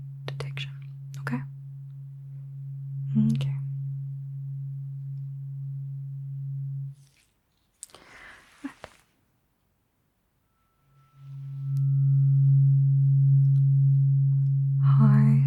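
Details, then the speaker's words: Simulated ASMR cranial nerve exam roleplay: a second, higher-pitched tuning fork is struck for a high-or-low pitch and ear test. Tuning fork tones. "Just swapped out the second tuning fork for a higher tuning. It sounds like this. Going to use the higher chin fork and the mother one. test your pitch"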